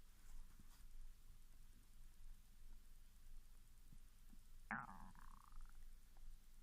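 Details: Japanese girl's hunger stomach growling (borborygmi) after 16 hours without food, starting after drinking mineral water, recorded directly over the stomach: low soft gurgling with one brief high squealing sweep.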